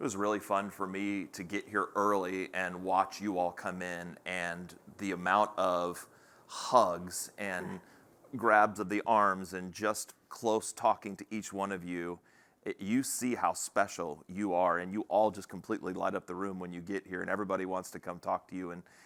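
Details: Adult man speaking; ordinary speech.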